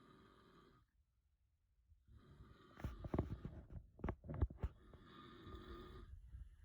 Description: Weimaraner dreaming while husband snores